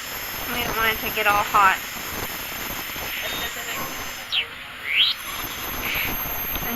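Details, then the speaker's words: Ultrasonic dental scaler with water spray removing fine tartar from a 7-year-old pet's teeth during a dental cleaning; steady high-pitched whine with brief rising and falling chirps after a few muffled words. "I'm going to go ahead with my ultrasonic scaler and get those fine this is like what humans do clean your teeth same concept here and this scalar kind of put up some water the tooth from heating up"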